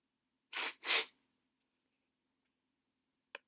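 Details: Two breathy, hissing bursts close together, then a brief click, during sickness, fitting a double sneeze in a quiet room.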